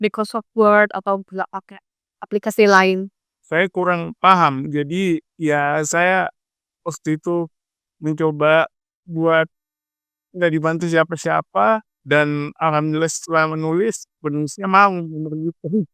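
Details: Adult male speaker; dysarthria in cerebral palsy.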